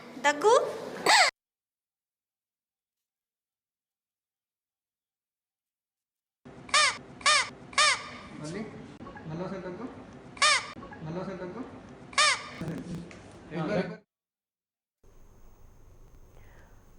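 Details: Whistling airway sound in a third-grade boy who swallowed a toy whistle while playing: sharp, high squeaky whistle bursts like a crow's caw repeat with his breaths and coughs; foreign body later removed surgically.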